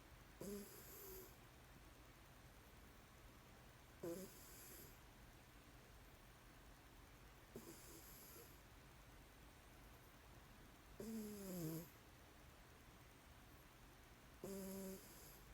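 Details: Cat sleeping on a SpongeBob blanket: soft snorting snores about every three to four seconds over a steady low hum; ordinary harmless sleep snoring.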